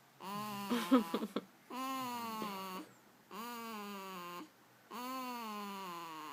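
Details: One-week-old baby girl making drawn-out, tuneful moaning noises in her sleep, four sounds with pauses between, getting louder toward the end: cry-like infant vocalization, not snoring.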